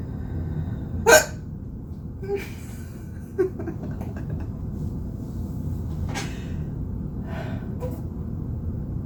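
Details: Spontaneous hiccups filmed by the person having them: several short abrupt hiccup sounds at irregular intervals over steady background hum.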